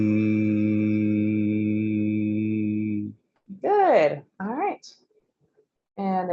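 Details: Adult male with essential vocal tremor after deep brain stimulation surgery, with less laryngeal motion and audible improvement; essential vocal tremor, improved after deep brain stimulation.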